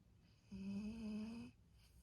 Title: Snoring Golden Retriever